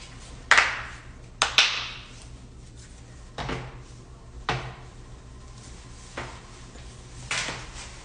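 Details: Compilation of loud joint cracking during neck and back manipulation: sharp, irregular pops and cracks, typical joint cavitation.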